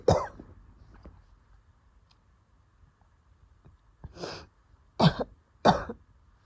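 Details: Cough during an asthma attack that came on after going outside early in the morning, with wheezing reported: several harsh coughs and throat clearing with breathy sounds between, though no clear wheeze is audible.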